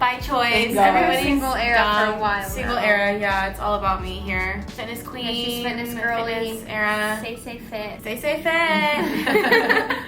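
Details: Young adult women talking; ordinary conversational speech.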